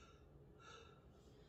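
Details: 32-year-old man taking repeated deep breaths while a nurse auscultates his back during a respiratory assessment: loud, clear, normal breath sounds in all four quadrants.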